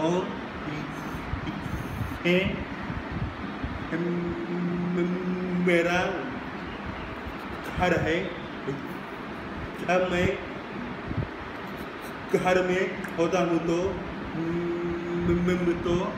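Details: Male who stammers, says his stammer is less at home; stuttering.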